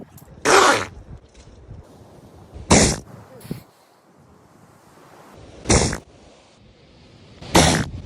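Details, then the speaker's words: Seals sneezing: four short, forceful nasal bursts, each a brief blast of air with a sputtering, fart-like quality. "Apparently, when seals sneeze, it sounds like they're farting."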